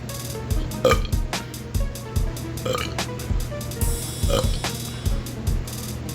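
Repeated deep, throaty burps set over a rhythmic music beat; ordinary belching used as part of the track.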